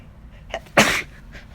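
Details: Induced wet sneeze: a brief intake of breath followed by one forceful, wet-sounding sneeze with a hissy burst of air.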